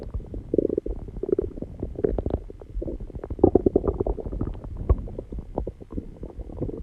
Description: Hi guys I am back so today I uploaded another new video where I posted my heartbeat and heavy breathing after doing some exercises and calming down and my stomach been growling so I also wanted to include my stomach sounds too